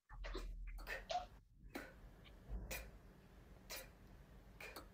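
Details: 24-year-old man with rhinolalia after tonsillectomy that left a weak soft palate, and global oropharyngeal hypotonia, recorded in his first beatbox therapy sessions: weak, very breathy, imprecise beatbox sounds from oropharyngeal hypotonia.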